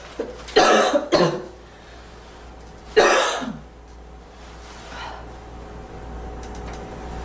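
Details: Girl's deliberate, acted cough: three sharp, dry cough bursts, two close together then one more, in a quiet room.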